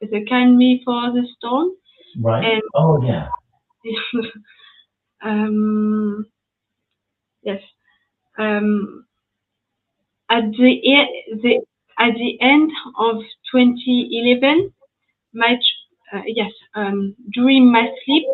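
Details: Post-stroke aphasia in a French woman after an ischemic stroke at age 22 in July 2011; she was completely mute for 10 days and spent one year in rehabilitation, with lasting language difficulty.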